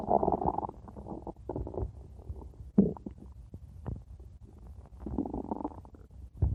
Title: stomach growling 4 minutes